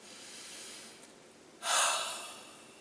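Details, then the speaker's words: Huff (forced expiration technique) during physiotherapy chest-clearance exercises after deep breathing: a big breath in with the shoulders down, then one fast, forceful, wide-open-mouth breath out to move phlegm. "So it's a big breath in, keeping the shoulders down, and then wide open mouth and a fast breath out."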